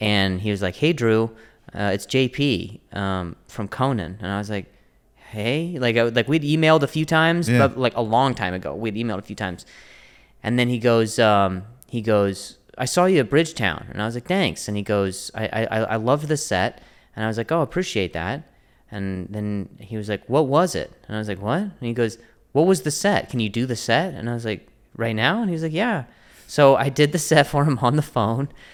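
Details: Stuttering in an adult male comedian known for his stutter.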